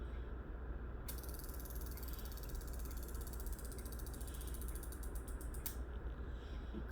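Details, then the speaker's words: Ozempic pen delivering a 0.5 mg dose into a woman's upper thigh, held for a ten-count: rapid ratcheting clicks stopping with a final louder click. "I'll write the needles in push my little button on the top"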